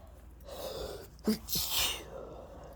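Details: Stifled, ticklish sneeze: a quick in-breath, a short partly held-back burst and a breathy exhale.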